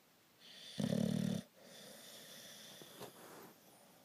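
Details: Cooper snoring: one loud, rough, buzzing snore lasting about half a second, followed by quieter breathing noise.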